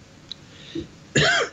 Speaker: Folks, my apology. And if this sounds bad on your end, either coughing or the hacking, just let me know, and we'll just postpone the show,